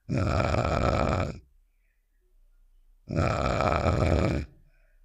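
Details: Cartoon sound effect of a character snoring, not a real recording: two long, rough, buzzing snores separated by a silent pause; imitation snoring.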